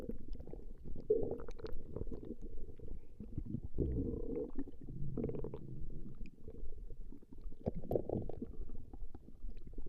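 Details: Recording of a woman's stomach growling: continuous low gurgling and rumbling from the belly with shifting pitch; ordinary borborygmi.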